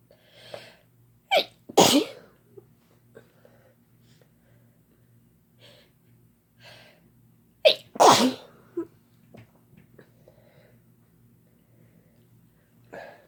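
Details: Sneezing induced by Chhinkni sneezing powder: two loud sneeze bursts, each with a sharp intake before it, soft breaths and sniffs between, and a quiet low hum behind.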